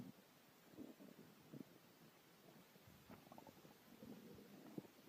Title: Yellow Labrador Dog Stomach Growling